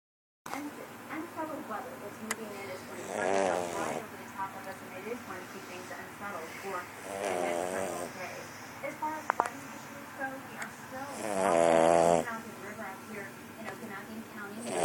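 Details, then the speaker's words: Snoring puppy asleep: soft rattling breaths about every four seconds, with a television or radio playing in the background. "That's right, you were snoring again. Welcome back to the land of the living."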